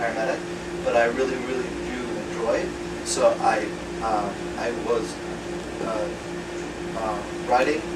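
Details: Man with acquired aphasia after a 2014 left-hemisphere stroke from a torn carotid artery; initially paralyzed and speechless, right-side movement since returned; words slowly returning with ongoing speech therapy; real patient; aphasia.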